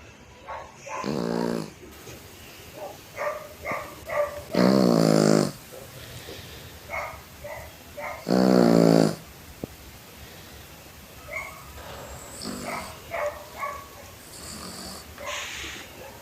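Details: Pet dog snoring loudly while asleep: three loud, buzzing snorts a few seconds apart, with soft snuffling and small whimpers between them.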